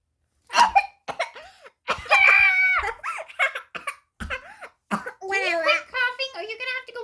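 Several short, forced coughs mixed with a child's chatter and giggles, a pretend cough during play, not a real illness.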